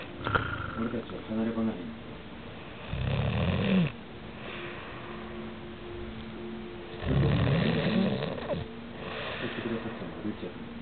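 Low rumbling, fluttering snores on breathing in, about one every four seconds, with quieter breaths between; ordinary snoring.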